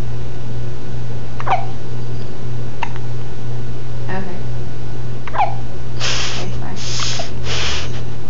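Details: Niece with hiccups: four short, sharp hiccup sounds at irregular intervals over a steady low hum, followed by brief noisy bursts.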